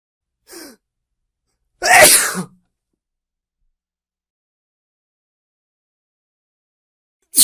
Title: أصوات الأنسان " صوت عطس " _ Sound of sneeze